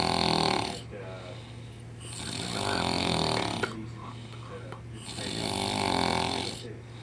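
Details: Loud, rattling snores about every two and a half seconds, with a steady low hum in the background; snoring.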